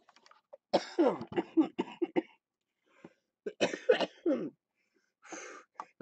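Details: Productive cough during lower lobe chest therapy for cystic fibrosis, with the patient describing rattling in the chest.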